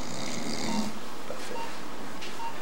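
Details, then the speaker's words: Low rattling snore on an in-breath: snoring respirations as the patient resumes spontaneous breathing after brief general anaesthesia for an electroconvulsive therapy (ECT) session for recurrent bipolar depression. "étant donné que je suis capable, j'ai repris ma respiration par moi-même suite à l'anesthésie."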